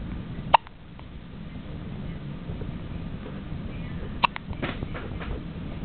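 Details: 2-day-old newborn hiccuping: two brief, sharp clicks about four seconds apart over steady low background noise; hiccups.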